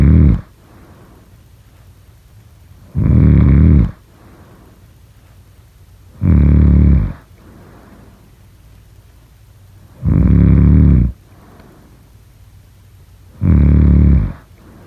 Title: #snoring #snoringasmr #snoringsleepingsoundeffect #sleepnoises